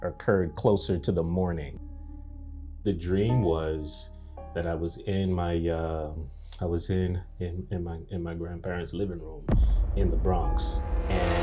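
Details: Adult man whose stuttering began after a nightmare at age three; audible word repetitions; stuttering.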